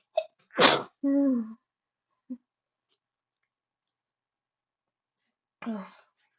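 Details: A person at a desk in a desperate sneezing fit: a sharp, forceful sneeze, a short groan, then another sneeze in a quiet room; repeated sneezing.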